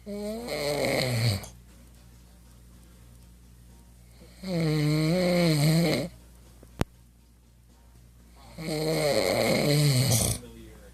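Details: Man snoring: three loud, rumbling, rattling snores about four seconds apart, roughly 14 breaths a minute, with quiet breathing between.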